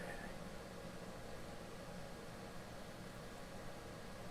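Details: High-level class IV therapy laser treating a woman's plantar fasciitis of the foot, delivering deep heat; area getting hot and sensitive. Steady low hum with hiss, the laser unit's cooling fan running.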